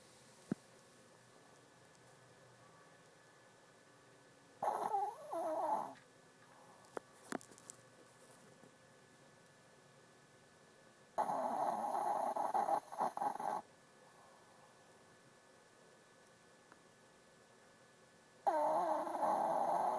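A sleeping pet gives long, buzzing, rattly snores several seconds apart in a quiet room.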